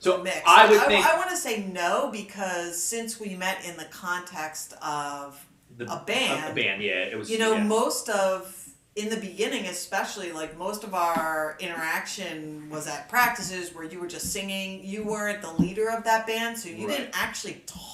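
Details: Adult woman speaking; no speech disorder.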